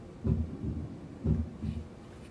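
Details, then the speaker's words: Normal heart sounds from the Harvey cardiology patient simulator used in physician assistant training: two clean lub-dub pairs at about 52 beats per minute. "so right now you're listening to essentially a normal heart it kind of sounds like that if you can hear it in the background"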